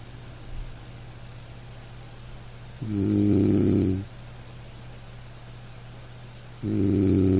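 Loud buzzing snores on two breaths, about 16 breaths a minute, with quiet gaps and low room hum; ordinary snoring during sleep.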